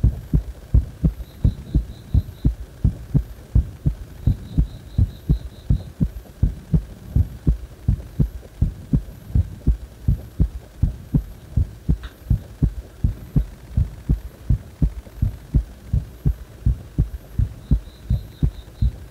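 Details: Heart still beating fast even after release from compression: steady, quick, regular heartbeat over a low hum, with faint intermittent beeps; tachycardia.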